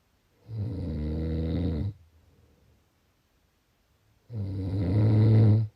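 Two long, loud, low rattling snores with quiet breathing between them; ordinary snoring in sleep.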